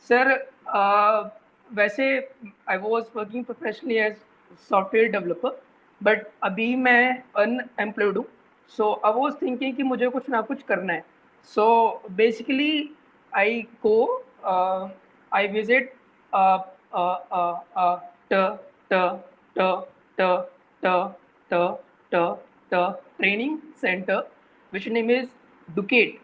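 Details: Adult man who says he has a speech disorder, speaking about his stammering, with a repetition block audible on 'training'; stuttering (stammering).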